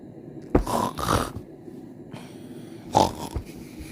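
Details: Foxy, who snores every night and is described as snoring a little abnormally: two rough, snorting snore breaths with noisy, rattly airflow; snoring.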